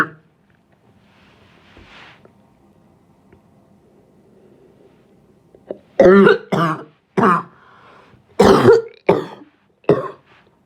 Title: Coughing 1